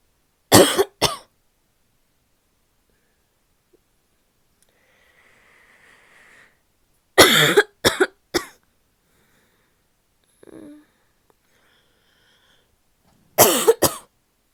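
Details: Female with three bursts of harsh, loud coughs, two or three coughs each, separated by quiet pauses; a barky coughing fit.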